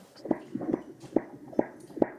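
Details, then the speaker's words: Fetal heartbeat heard on Doppler during a basic check before a 4D pregnancy scan, late pregnancy with the mother feeling kicks: regular whooshing beats at about 140 a minute, normal. "So I'm just gonna do a basic check... ..starting with the heartbeat."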